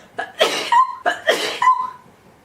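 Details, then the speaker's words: Girl sneezing: two sneezes in quick succession, each a sharp voiced burst with a brief breathy lead-in and trailing vocal 'choo'. "But oh my god, I'm going to sneeze."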